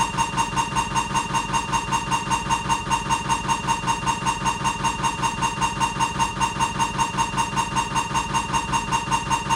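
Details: Siemens MAGNETOM Lumina 3 T MRI, abdomen protocol: loud rapid steady mechanical buzzing pulses, about 154 a minute, normal scanner noise during a diffusion-weighted (b50/800) sequence.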